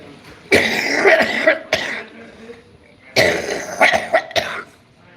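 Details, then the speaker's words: Adult's harsh coughing bouts with throat clearing, attributed to a cold with mucus ("snot") dripping down the throat; cough from postnasal drip. "That's right, cough up a fucking lung. It's this snot shit, man. Cough your lungs out."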